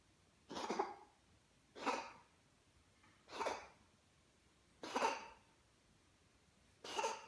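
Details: Five short, harsh cough bursts at steady intervals in a quiet room; cough.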